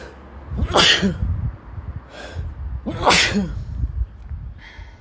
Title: 3.0: You Can (Not) Sneeze Quietly [M, random + induced + cold sneezes]